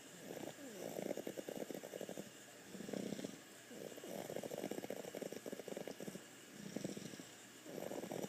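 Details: Sick individual snoring while sleeping in the owner's lap, likened to a purring cat; rough, rattling snores with each breath, short quiet pauses between.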